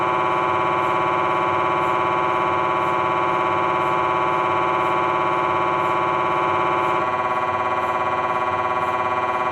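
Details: Philips 1.5T MRI scanner during a lower spine T1 coronal sequence: a loud, steady buzzing drone that pulses rapidly and evenly, changing tone partway through.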